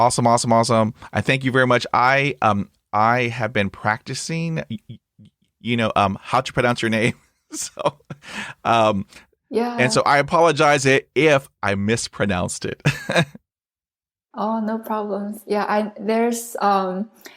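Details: Adult man who stutters, a podcast host; this stretch has repetitions; stuttering.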